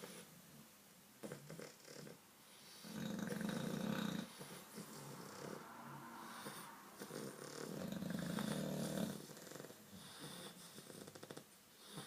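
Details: Loud, rough rumbling snores from two sleeping English bulldogs, with noisy breaths at an uneven rhythm; heavy snoring.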